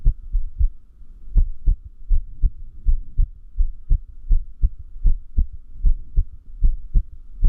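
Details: Irregular heartbeat with uneven beat spacing, some beats early and others late, dull low thumps at about 78 per minute. Arrhythmia said to increase with sleep deprivation.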